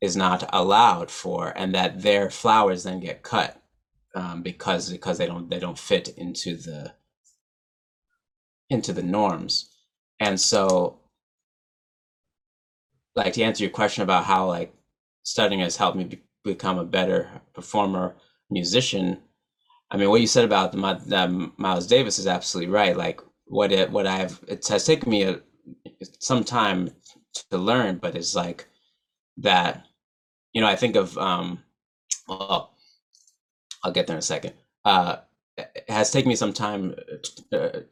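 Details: Adult man who stutters, real, not acted; stuttering.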